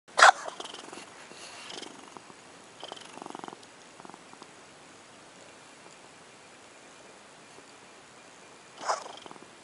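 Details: Cat gives two sharp, explosive coughs with soft rhythmic rumbling and quiet stretches between them: cat cough.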